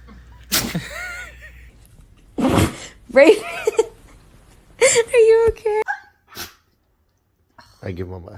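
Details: Several quick, sharp dog sneezes mixed with brief human exclamations, with an owner coaxing the dog to sneeze and praising him.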